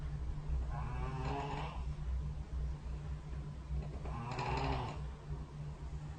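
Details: Two soft, groaning snores about three seconds apart over a low room hum, recorded overnight by the SnoreLab phone app set beside the bed during sleep; snoring.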